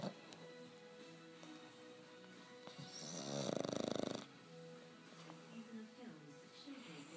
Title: snores